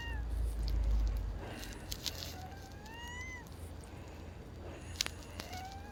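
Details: Speaker says "I'm just wheezing": several thin, high, whistling tones rising in pitch over room noise and faint clicks, recorded 2/15/2024.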